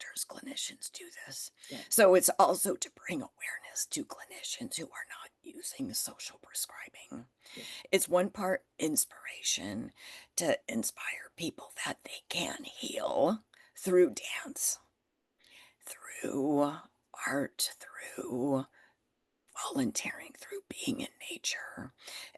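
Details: Adult woman with spasmodic dysphonia that developed after stress and illness while building her business; she is managing it naturally without Botox and says it is still audible in her voice.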